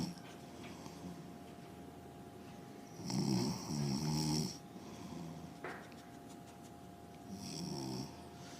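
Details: Sleeping parent, filmed by their son: two rough, rattling snores on breathing in, a few seconds apart, in a quiet room with a steady hum.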